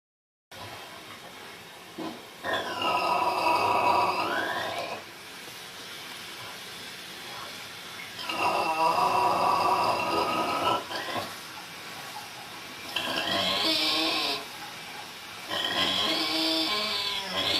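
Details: A sleeping Vietnamese pig snores in loud, rasping, slightly whistling bursts separated by quieter breathing pauses.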